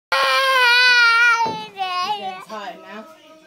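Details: Brief high-pitched infant cry, a sustained wail trailing into shorter sobbing sounds; infant crying.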